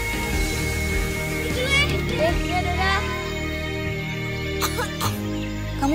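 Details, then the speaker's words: Two short, acted child coughs over steady background music and brief child vocal sounds in a children's cough-remedy advertisement; child said to be coughing from cold and tiredness. "Kamu batuk karena kedinginan dan kecapean tuh."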